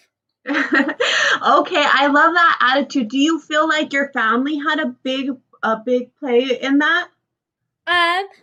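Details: Adult woman speaking, interview; normal speech.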